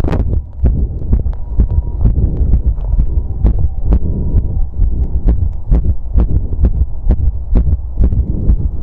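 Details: Visible apical heartbeat with sound, pressed on after exercise outdoors: fast, strong, regular low thumps near 130 a minute over rumbling body noise, a rapid post-exercise heartbeat.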